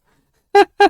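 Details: Belch after drinking soda, from a woman post-Botox treatment for retrograde cricopharyngeus dysfunction (inability to burp): two short, voiced, croaking bursts in quick succession after silence.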